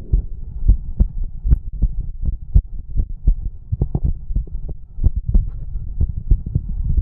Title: the sound of a heartbeat and stomach growling